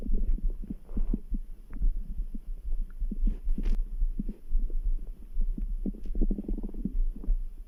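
Low gurgling stomach rumbles over a steady background heartbeat near 70 beats a minute, ordinary bowel sounds.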